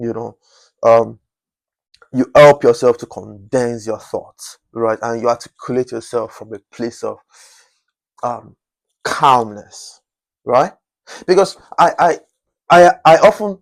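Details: Adult man whose stammering was once chronic and who still stammers occasionally; stuttering.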